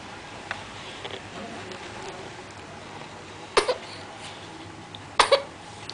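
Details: Two short, sharp coughs about a second and a half apart, each a quick double burst, over quiet room noise; described as a low, sweet, melodious voice coughing.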